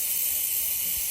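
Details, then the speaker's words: Root canal irrigation of traumatized tooth #8 in a 10-year-old girl with pulp exposure and signs of irreversible pulpitis, open apex; steady high hiss of 6% sodium hypochlorite being sprayed into the canal. "I'm not afraid to use hypo this is six percent hyper and I'm not afraid to use it you know why because I know how to use it"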